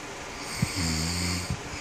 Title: Snoring hubby 😴 😴 😴 part 6